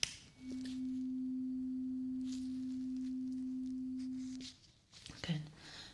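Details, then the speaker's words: Role-play ASMR hearing test at a changed frequency, eyes closed: a struck tuning fork rings as a steady pure hum for about four seconds, then fades. "Okay, we're changing the frequency one more time. Okay, so same thing. Tell me when the sound stops and keep your eyes closed."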